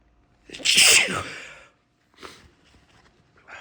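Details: Adult sniffing sneeze powder midday for an energy boost, after snorting and blowing nose: one forceful, drawn-out hissing sneeze with a faint snort afterwards; anticipated, powder-induced sneeze.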